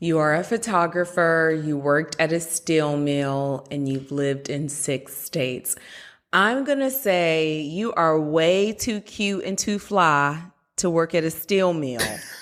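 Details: Adult woman speaking; normal speech.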